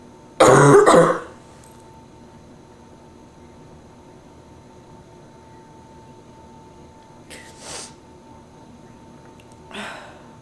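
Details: One harsh, forceful cough, then two faint throat-clearings in a quiet room, from a person with bronchitis, stuffy nose, sore throat, fever and chills.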